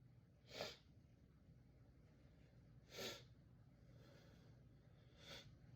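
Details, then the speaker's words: Three sharp, explosive sneezes a couple of seconds apart over faint room hum, part of a prolonged sneezing bout. "Please don't sneeze. Please. Oh. Oh. Oh. Oh. Achoo! I have to sneeze again. I have to sneeze. Achoo! Achoo! Excuse me."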